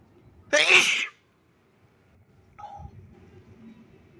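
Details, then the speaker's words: One loud, wet, explosive sneeze recorded up close with the nose uncovered, triggered by a tickle, then a brief faint sound and quiet breathing. "Someone sent me a request for big nose sneezes, so here I am. It tickles."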